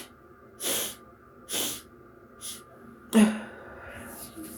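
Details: Person sneezing after deliberately inhaling black pepper: several short hissing breath bursts followed by one sharp explosive sneeze.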